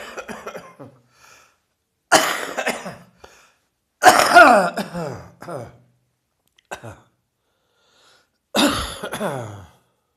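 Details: Heavy chest cold with wheezing: repeated harsh, congested coughing bouts with a wheezy, strained tone; chest cold cough.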